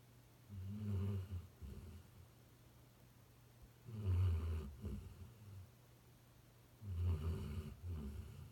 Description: Luce was taking a nap just outside my home office door when his snoring started interrupting my concentration.